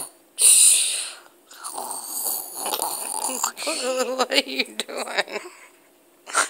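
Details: Young boy fake-snoring while pretending to sleep: one loud snorting in-breath, then wheezy, whistling noises and giggles; playful imitation of snoring, not real sleep snoring.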